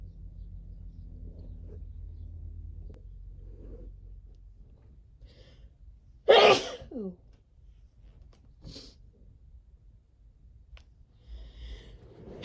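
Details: Natural, unprovoked sneeze from a person who describes their sneeze as aggressive: one sharp, explosive sneeze in a quiet room, then a short exhale; a single sneeze.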